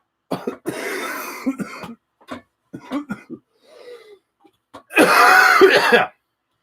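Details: Adult with influenza A coughing during a livestream, microphone on a table a little way away.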